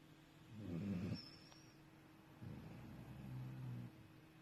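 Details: Two soft, low snoring breaths from a sleeping puppy; ordinary sleep snoring.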